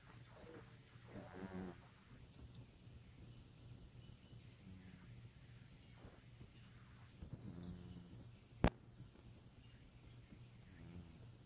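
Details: Walter the cat snoring: soft, rough breathing noises repeating through the recording, with a steady low hum in the room.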